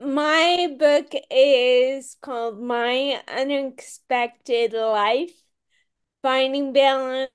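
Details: Speaker with ataxia who says people might not listen because of their speech and who did much work on pronouncing words. Ataxic dysarthria.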